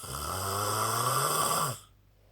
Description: Snoring his ass off and I can't sleep.